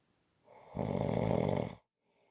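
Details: Snoring: one loud, rough, rattling snore lasting about a second, followed by quiet.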